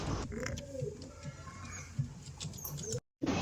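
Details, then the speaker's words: Pigeon with suspected respiratory infection, phlegm in throat, beak held slightly open at times since yesterday: low, rough, gurgling rattles of phlegm-laden breathing; rattling respiratory sounds. "ಇವಕ್ಕೆ ಒಂದು ಸ್ವಲ್ಪ ಗಂಟೆಯಲ್ಲಿ ಕಫ ಬಿಟ್ಕೊಂಡು ಗೊರತಾರೆ ಗೊರಗುರ ಅಂತ sir ನೆನ್ನೆಯಿಂದ ಬಾಯಿ ಸ್ವಲ್ಪ ಓಪನ್ ಮಾಡ್ತಿರುತ್ತೆ ಅವಾಗವಾಗ"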